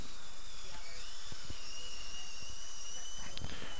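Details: Steady high-pitched whine with hiss and spray noise from a dental drill cutting into a fractured Ti-base implant abutment at tooth position 18, under 3.5x magnification, during a rescue case.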